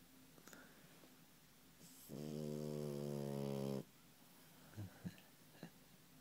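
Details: Sleeping French bulldog–Boston terrier puppy: a single drawn-out buzzing snore under two seconds, then soft sniffs and breaths; snoring.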